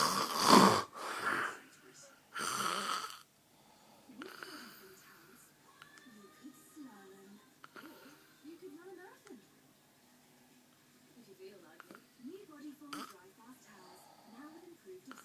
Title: Daddy snoring